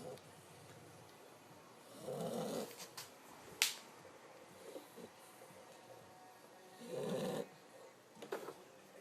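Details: Tired female pitbull snoring: two rough, snorting snores about five seconds apart, with small clicks and rustling between; ordinary dog snoring.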